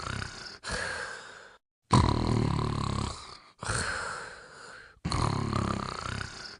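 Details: Sleeping dog snoring: loud, rough snores with drawn-out breath sounds, about four in under seven seconds; ordinary snoring.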